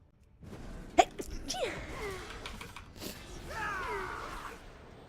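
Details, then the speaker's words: Sneeze from a streamer with bad allergies who is sneezing repeatedly during a live stream: one sharp sneeze after a quick intake of breath, followed by a brief breathy sound; room noise behind. "hey yeah oh my god the sneezing is ridiculous today"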